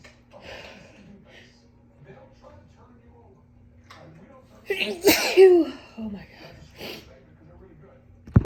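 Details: Allergy sneezes: a quiet breathy lead-in, then one loud, forceful sneeze with a voiced trailing sound.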